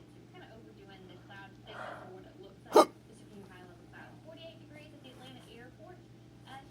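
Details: Patient with hiccups after surgery, ongoing and painful in the side: a single sharp, abrupt gulping hiccup with quiet talk in the background.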